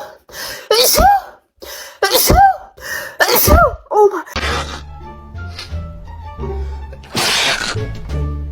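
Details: Real, unusual-sounding human sneezes from a top-5 compilation: three loud, explosive sneezes in quick succession, each with a sharp intake and a burst, followed by music. Sneezing.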